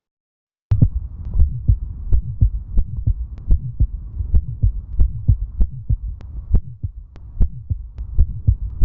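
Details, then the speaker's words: Child's heart: rapid heartbeat with a low, humming vibratory systolic murmur between beats, the typical innocent Still's murmur. "Luego tenemos el soplo inocente, que es un soplo vibratorio que lo que hace bu, ¿no? Que es el soplo inocente, ¿no? Que es el soplo de stetil."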